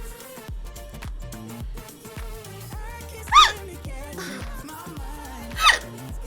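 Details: Two sharp, squeaky hiccups about two seconds apart over background music; hiccups described as cute, intense and loud.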